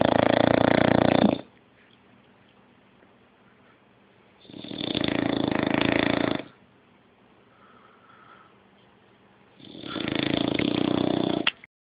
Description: 6 month old english bulldog snoring the day away